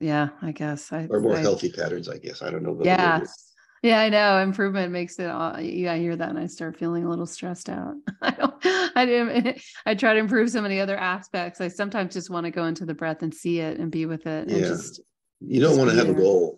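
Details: Adult speakers in conversation; normal speech.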